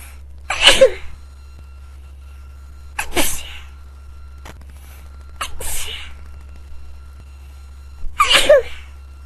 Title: Can't stop sneezing again